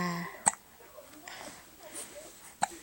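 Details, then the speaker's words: Two short, sharp hiccups about two seconds apart in a quiet room, from a baby who had just spit up; ordinary hiccups. "you got hiccups you got hiccups"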